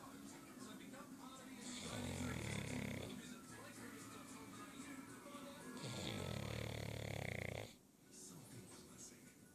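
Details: 9-month-old Aussie Bulldog snoring while napping after a big walk: loud, rattling, long drawn-out snores with music in the background.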